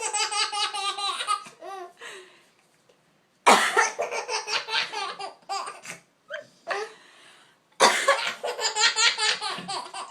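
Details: Person coughing: abrupt harsh cough bursts, each followed by high-pitched, bubbly child laughter in a small room; ordinary coughing.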